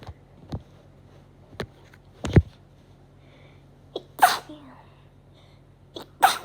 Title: Sneeze 🤧